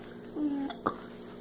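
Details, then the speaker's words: Child with hiccups, talking with an adult about them: a brief voiced sound followed by one abrupt hiccup catch in a quiet room. "What's happening? I got the hiccups. Where did you get the hiccups?"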